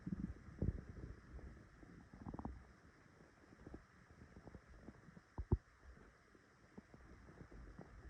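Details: Quiet low rumbles and soft gurgles under faint hiss, recorded by phone just after waking: ordinary morning stomach rumbling (borborygmi).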